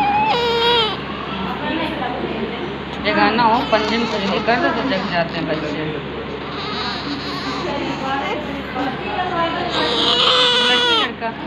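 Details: Newborn baby just after birth, described as healthy: strong, rhythmic, full-voiced crying wails over room noise and background voices, a healthy newborn cry.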